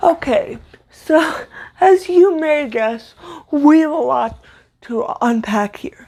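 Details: Stuttering-type disfluency in an adult woman with cerebral palsy, a neuromuscular disorder she says affects motor control including speech; her stutter worsens when reading aloud; here spontaneous speech.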